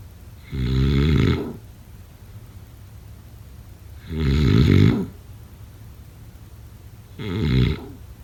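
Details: Snoring during sleep: three loud, rattling snores on breathing in, about one every three seconds, roughly 20 a minute, with quiet pauses between.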